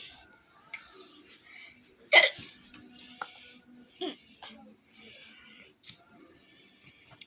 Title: me with the hiccups😂🤣😶